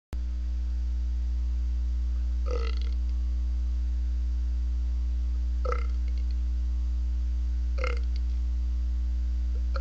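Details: Three short gurgling burps a few seconds apart over a steady low hum; burping.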